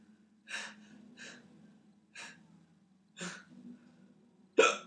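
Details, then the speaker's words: Adult man with persistent hiccups that water did not stop, talking between them: five sharp, gasping hiccups at irregular intervals of about a second, low background hum; hiccups. "no it's it's how I'm hiccuping but that's not normal no it's not you're not hiccuping you're getting punched in the"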